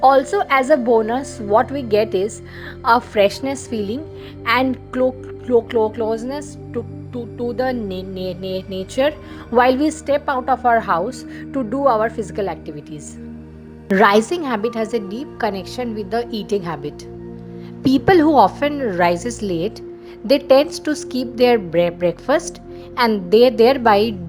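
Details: Female vlogger who identifies as a person who stammers; stuttering with word repetition.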